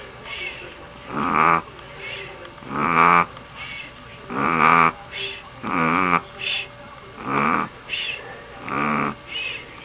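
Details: Snoring from a sleeping Pomeranian dog: rhythmic nasal snorts and snores with softer whistling sounds between them, about 35 a minute.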